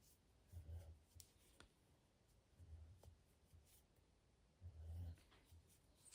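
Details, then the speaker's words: Older female dog sleeping in the corner, described as having a very loud snore; low rumbling snores about every two seconds over quiet room noise; snoring. "Apologies if you can hear my dog snoring."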